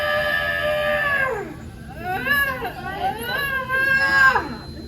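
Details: Loud, strong, high-pitched repeating wails: a vigorous first cry from a newborn girl immediately after a medicated hospital delivery (mother's second baby, 37 weeks pregnant when the vlog began), a normal healthy sign.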